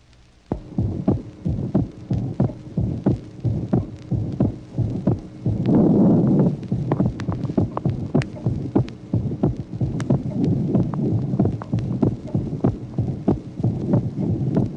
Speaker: Le deuxième tracé nous montre un dédoublement serré, physiologique du deuxième bruit, variable avec la respiration. On peut noter en effet que la valve pulmonaire se ferme bien après la valve aortique en inspiration.